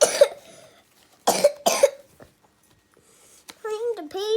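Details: Three short, sharp coughs from a child, followed by brief child vocalising; a plain cough.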